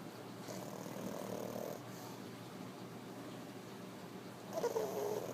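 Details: Soft rattling snore with louder noisy breaths near start and end, from a sleeping pug; snoring.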